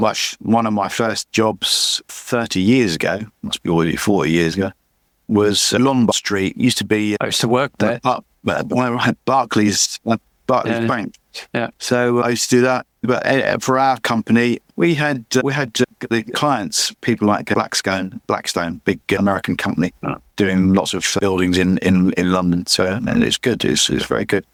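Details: Adult man with chronic aphasia after a massive stroke about 11 years earlier; he still cannot read or write; aphasia.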